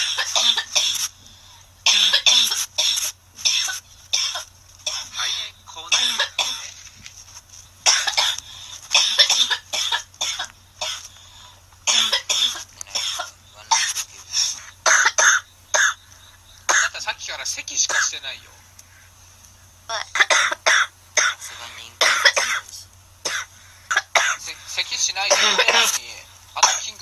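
A child coughs in repeated rapid bursts with brief pauses, a sustained coughing fit.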